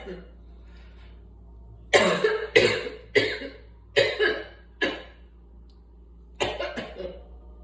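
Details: Adult with asthma coughing: six harsh coughs, a run of five then one more.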